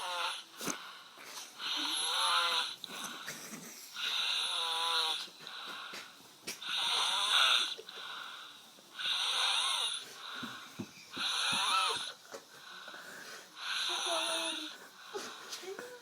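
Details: Snoring: repeated high-pitched, whistling, wheezy snores with each breath, about 25 a minute.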